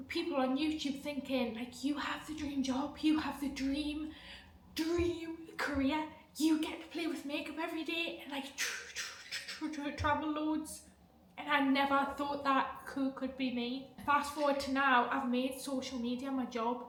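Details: 28-year-old woman, stammering since age 5, treated with speech therapy and the McGuire programme breathing technique, so speech may be largely controlled; reports anxiety and depression; stuttering.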